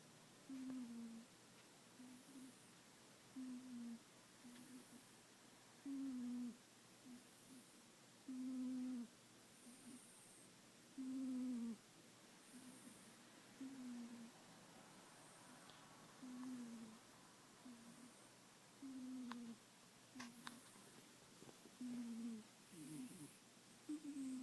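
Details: Cat sleeping under the owner's arm, snoring with soft, humming, low-pitched sounds on each breath, repeating steadily: snoring.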